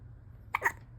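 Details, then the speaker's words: Baby girl with big hiccups: two quick, sharp voiced catches in close succession over faint room hum. "Look at that cute pretzel shirt. Oh, big hiccups."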